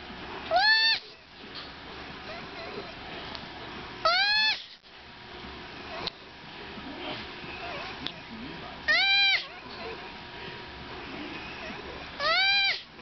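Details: Baby sloth woken from a nap to be placed with its mother for a feed; it protests with four short, high, squeaky rising-falling cries over low room noise, a distress call.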